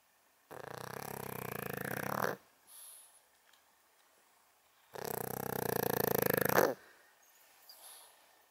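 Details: 11.5-year-old senior female pug asleep and dreaming gives two long, loud, rattling inspiratory snores about two seconds each, with soft quiet out-breaths between; snoring.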